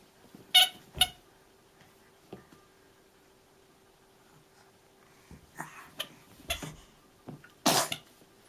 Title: Playing with Sophie the Giraffe, and a good sneeze (14 July 2011)